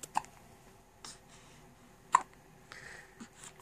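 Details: Hiccups: two sharp, brief hiccups about two seconds apart in a quiet room, with faint softer sounds between.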